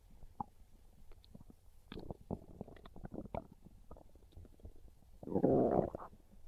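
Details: Low gurgling, bubbling stomach rumbles with popping bursts and a final longer growl; ordinary hunger stomach growling.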